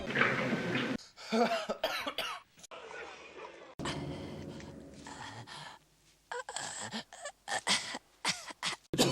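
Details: Acted coughs from a movie supercut of cinematic coughs and sneezes: a series of coughs and throat clearing from different people, cut from film scenes with background noise.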